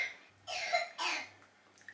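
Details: A young child who has been ill, often gets chest coughs and frequently has croup, gives two short coughs heard at a distance in a quiet room; cough.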